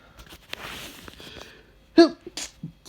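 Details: Adult reading a light novel aloud before morning medication: quiet rustling and faint voice, then one abrupt explosive burst with short trailing breaths, a single sneeze.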